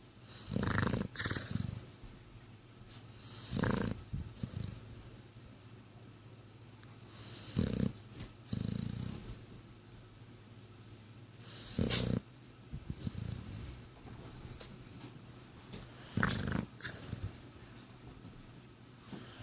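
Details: Snoring in sleep with damaged sinuses while lying in an awkward position: repeated short snorting, rasping breaths every few seconds, about 14 per minute, with quiet gaps.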